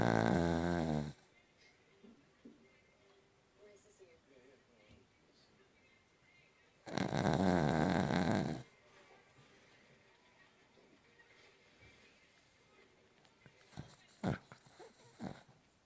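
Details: Benji, an animal: two loud, rattling snores with long quiet gaps between them and faint room noise; ordinary snoring.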